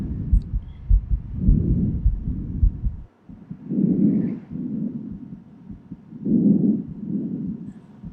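Soft low heart thumps under smooth, even breath sounds; normal heart and lung sounds.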